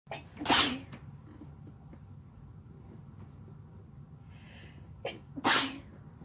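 Two explosive sneezes about five seconds apart, each with a brief breath before it, over quiet room noise.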